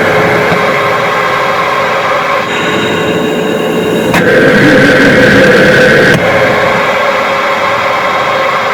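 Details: Cough Assist (mechanical insufflation-exsufflation) used by a person with DMD and a weak cough to clear mucus, three cycles each morning: steady machine hum and airflow, then a louder blast as air is pushed in and pulled out.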